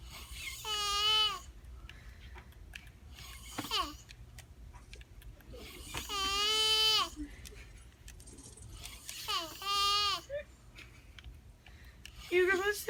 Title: Guy snores like lamb